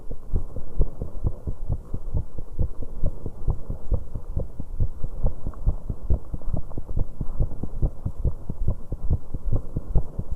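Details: 19-year-old woman's heartbeat on an exercise bike: fast, pounding beats with irregular premature beats (PVCs/extrasystoles).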